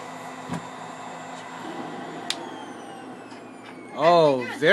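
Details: Cough Assist (resuscitator mask with oxygen mixed in) used after 30 minutes of vest therapy to bring up secretions from the lower lungs, then suctioning of the child's airway: steady mechanical hum with slurping suction pulls, then brief child vocal sounds.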